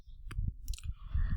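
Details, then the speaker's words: Korotkoff sounds heard as blood-pressure cuff pressure is released after constricting the artery: soft low thumps from turbulent arterial flow, with stethoscope rustle. "and that produces a sound and this sound that we will hear is called korotkov sound karateka korotkov sound"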